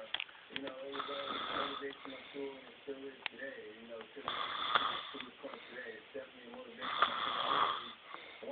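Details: Irregular fluttering, buzzing snoring breaths with rougher surges every few seconds over room noise.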